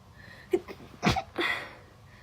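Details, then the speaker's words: Girl sneezing during a Covid-19 nasal swab test: a short quick intake of breath, then a sharp burst of air with a brief voiced tail; a single sneeze. "apparently have a really cute sneeze"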